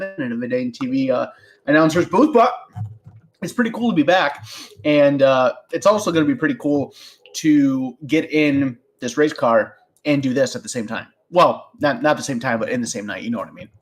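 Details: Adult male speaker; Normal voice.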